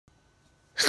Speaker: Oh my god, I'm sneezing. I was just going to bed.